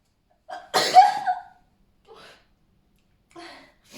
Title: Feather duster sneezes with pigtails